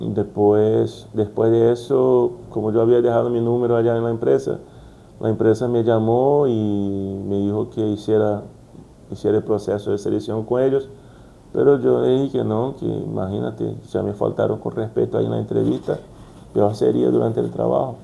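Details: Brazilian adult man with stuttering since childhood, working to overcome it, speaking Spanish as a second language, with word repetitions; stuttering.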